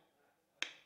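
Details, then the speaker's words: Defibtech Lifeline fully-automatic AED demonstration with adult pads on the chest: after "stand clear" and a 3-2-1 countdown, a single sharp snap-like click as the shock is delivered, then the prompt "shock one delivered, it is safe to touch the patient." "shock one delivered it is safe to touch the patient"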